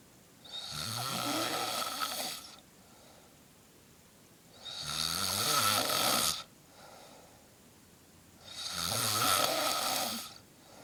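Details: Three loud, harsh, rattling snores on the in-breath about every four seconds, roughly 16 a minute, with quiet pauses between; snoring.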